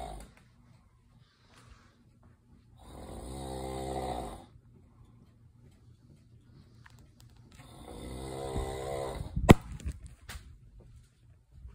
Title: Demon Snoring